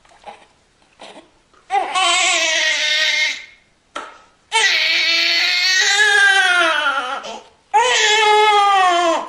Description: New Born Baby Crying Sound Effect presented by Good Vibes YouTube Channel.